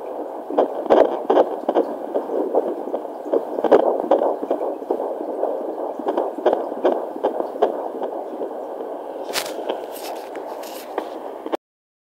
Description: Review on fetal doppler JPD - 1008 reviewed on first attempt @ 17w2d pregnant